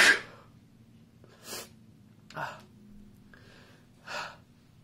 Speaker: all daily vlogger number two here and I think I have to sneeze oh my god okay